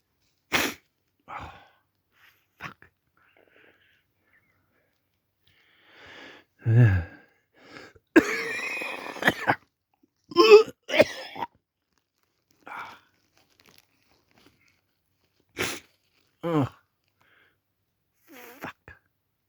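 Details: Adult with a head cold and stuffed-up nose: scattered single chesty coughs with a longer voiced gagging stretch midway, trying but failing to vomit; recorded on a Samsung Galaxy A40 phone.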